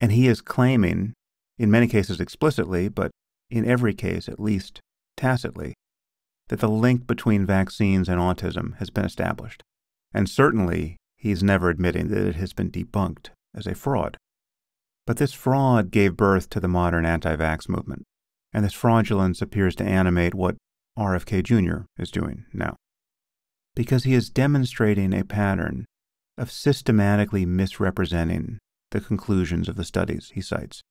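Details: Adult male speaker; typical speech.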